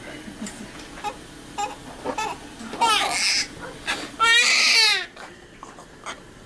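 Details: Loud rising-and-falling wails from a newborn girl right after birth following a 4-hour labor with epidural, with quieter adult sounds around; a normal vigorous first cry.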